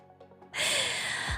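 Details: A single sneeze from a VTuber during a livestream: a quiet breath in, then a sudden loud, hissing burst of air.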